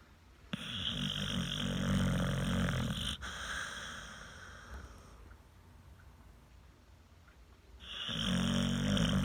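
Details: Snoring: low, rumbling, fluttering snores, about two long breaths in nine seconds, with softer breathing between.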